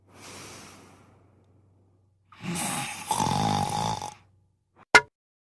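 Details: Simulated snoring, a sound effect in an animated cartoon episode: a rasping, rattling drawn-in breath followed by a sharp click; imitation of snoring.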